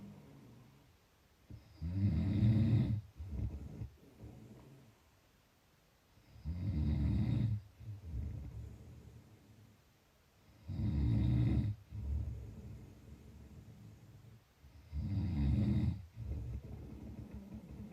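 Loud, low rattling snores on each in-breath with quieter out-breaths, about four breaths in eighteen seconds, roughly thirteen to fourteen a minute.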